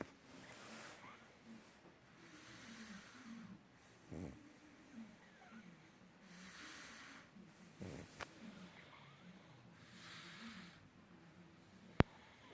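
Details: Pug with soft rhythmic snuffling breaths about every four seconds, brief snorts and a click: quiet snoring.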